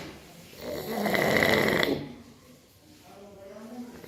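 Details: One loud, rattling snore on the in-breath, then a quieter breath out; snoring.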